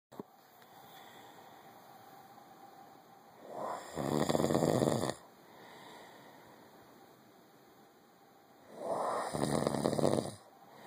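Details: Adult man snoring at night, recorded by his wife on a phone in a dark bedroom: loud, harsh snoring with a striking Darth Vader-like inhale on two long breaths, about eleven a minute, with quiet breathing between.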